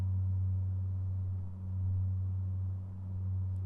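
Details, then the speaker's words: Simulated ASMR role-play cranial nerve exam: steady low pure tuning fork hum fading slightly, fork held by the ear for air conduction after a bone conduction test behind the ear, not a real patient. "That's called bone conduction, and yours is textbook. Let's compare it to air conduction."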